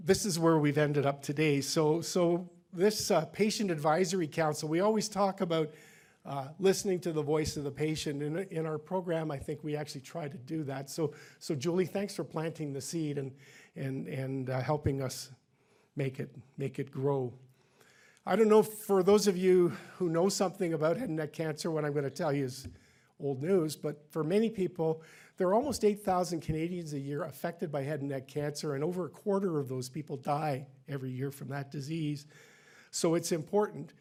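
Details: Adult male speaker; Normal speech.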